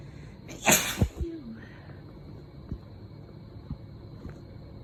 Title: Christmas Eve Sneezes